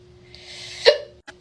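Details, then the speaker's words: Person with hiccups while doing a makeup tutorial: a breathy sound, then one sudden sharp voiced catch and brief click over steady background hum; a single hiccup. "okay I guess this is like a makeup Challen a makeup challenge where I have to try to do my makeup and tell you how to do it with the hiccups so fun"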